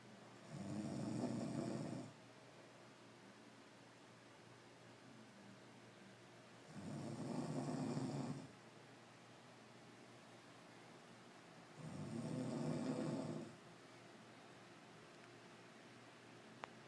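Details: Grandmother snoring: three long, rough, low snores about five seconds apart, roughly 12 a minute, with quiet room noise between.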